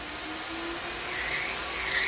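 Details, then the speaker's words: Steady high-pitched motor whine with hissing grit of a rotary burr grinding down a deep corn on the tip of a hammer toe and its hard thickened toenail; podiatric rotary burr grinding. "and then I'm going to grind all this down really well and that they should take care of it"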